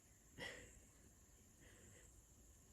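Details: Single short, muffled sneeze from a woman trying to induce sneezing by sniffing pepper, which left her congested, followed by a faint breath over quiet room noise.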